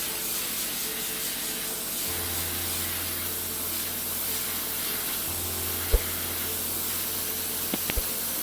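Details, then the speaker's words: Podiatry drill grinding back a woman's deviated, discoloured, damaged toenail (runner whose nail came off): low steady motor hum with gritty sanding hiss and small clicks. "And what I'm going to do now is just drill and clean everything back."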